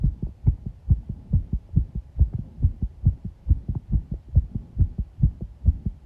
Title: 圧迫心音 pressure heartbeat sound